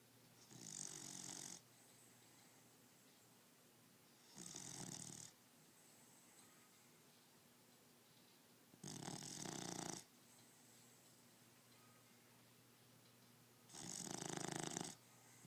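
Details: Regular hissing, rasping snores about every four to five seconds, roughly fourteen a minute, with quiet between; ordinary snoring in sleep.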